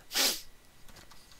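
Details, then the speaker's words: Adult with Tourette syndrome, tics described as intense tonight, while coding: single loud abrupt snort-like nasal burst, then faint tapping and room noise; vocal tic. "tourette's a little intense tonight so pardon me"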